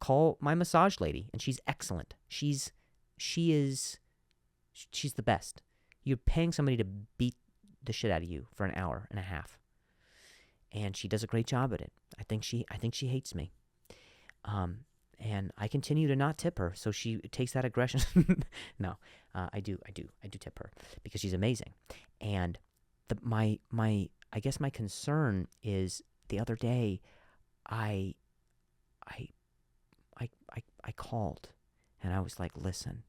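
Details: Real stuttering in an adult male comedian speaking naturally while hosting his own podcast; he says some words are hard for him to say.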